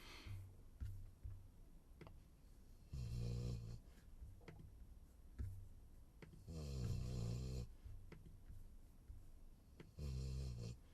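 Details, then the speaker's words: Female Labrador dog snoring in slow, regular rumbling breaths at about 17 a minute against a quiet room hum. "is for yeah I can hear the dog snoring she's fine she just wants attention yeah that's a snoring dog"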